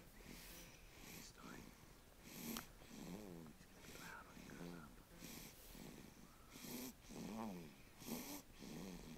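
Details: Sleeping animal snoring: rapid, rattly, snorting breaths with some whistly tones over a noisy background; snoring.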